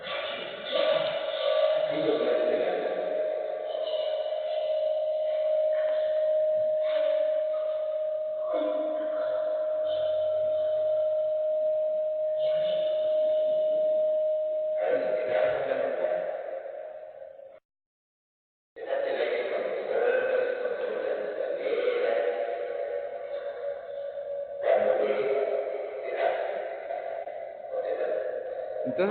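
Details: 10-year-old girl, constant progressive rough voice for four years with progressive breathing difficulty, mother links onset to tonsillectomy; papillomas on both vocal folds, lower surfaces and anterior commissure; hoarse voice (dysphonia) due to laryngeal papillomatosis.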